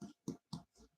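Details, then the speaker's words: A 13-year-old dog with long-diagnosed tracheal collapse makes rapid, short, snorting wheezy breaths: noisy breathing from tracheal collapse. "she um she doesn't get as much oxygen sometimes you can hear her wheezing say there but she does well"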